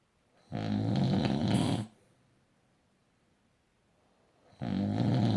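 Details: Person snoring: loud, rough, rattling snores on inhalation, each over a second long, separated by about three seconds of quiet breathing.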